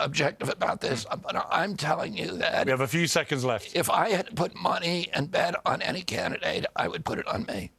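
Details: Adult man with a neurological disorder he calls spasmodic dystonia, caused by an injury in 1996 at age 42. Signals make his vocal cords tighten constantly; it is not a tissue injury. Kyoto surgery about eight months earlier improved reliability; now doing alternative therapies. Spasmodic dysphonia.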